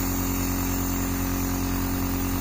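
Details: Nebulizer compressor running continuously with a steady buzzing motor hum and fast regular rattle, while a small sick child with cold and cough is nebulized.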